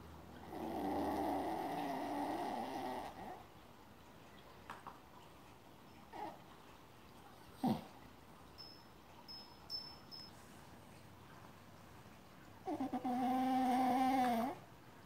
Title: Snoring Brownie🐶